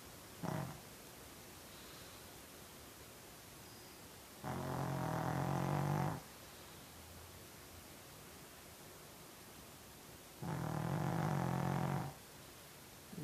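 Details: Sleeping Pekingese dogs snoring: deep rattling snores lasting about two seconds, repeating roughly every six seconds over steady room hiss.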